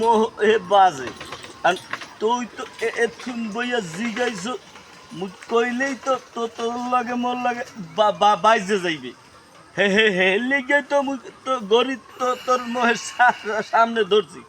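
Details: Acted stuttering by performers in a Bengali comedy skit about two stutterers; simulated stuttering.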